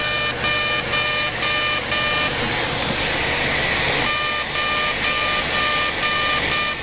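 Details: CO2 laser facial resurfacing during cosmetic surgery with a facelift, passes around 60–80 millijoules at density 5–6 over the lids and face: steady high-pitched electronic tone with rapid regular pulsing about two per second and constant machine hiss.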